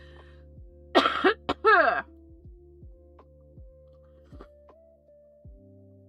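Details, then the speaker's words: Adult recovering from a respiratory illness, no longer producing much mucus but still coughing and tired: cough. "I'm no longer a mucus factory, which is nice. I'm just coughing still, as you can hear."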